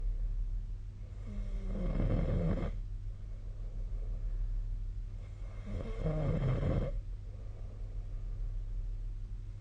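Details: Nightly snoring recorded with the SnoreLab app, 1 February 2025: two low, rough snores on slow breaths in about ten seconds over steady low room hum; ordinary sleep snoring.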